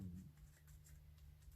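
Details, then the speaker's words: Adult woman, hungry after eating little that day: a faint, low rumbling growl from her stomach; stomach rumbling (borborygmi). "gosh my stomach did you hear it's hungry hasn't had much to eat today so far really"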